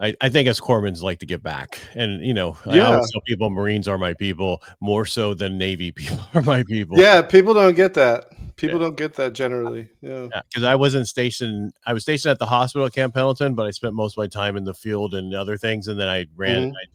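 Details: Adult male speaker; typical speech.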